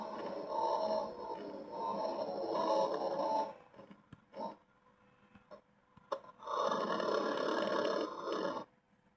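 Two long, loud, rough rattling breaths separated by a quiet pause with small clicks: cartoon snoring, sped up.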